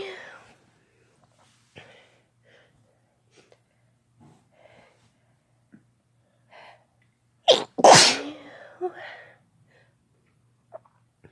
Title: Sneezing with no talking (F+M)